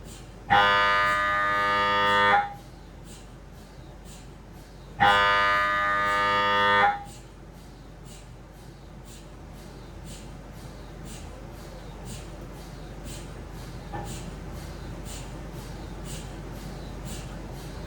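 Two loud buzzing tones of about two seconds each, then a quieter steady run of rhythmic knocking from an MRI scanner during scanning.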